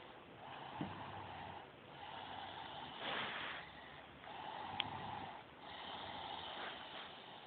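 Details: Snoring during sleep: rhythmic, noisy breaths that rise and fall with each breath, with a faint rasp.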